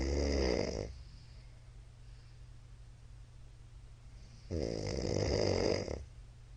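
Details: Middle-aged man's loud snoring during sleep: two loud, rough, rattling snores about four seconds apart, with quiet breathing between them.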